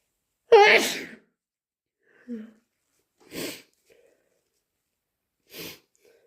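One loud, wet sneeze, then softer sniffs and two short nose-blowing bursts in a quiet room.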